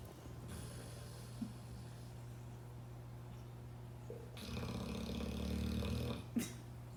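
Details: American bulldog in deep sleep giving one long, rough, rumbling snore over a steady low background hum.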